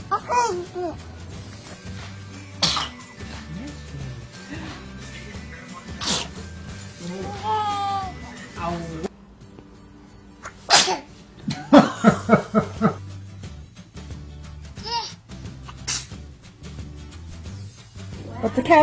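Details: Baby girl sitting up sneezing: several brief, sharp, ordinary infant sneezes over background music and adult chatter.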